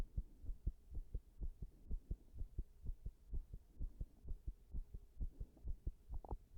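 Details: Heart sounds recorded after an all-nighter while standing pressed against a wall, showing an irregular heartbeat (arrhythmia).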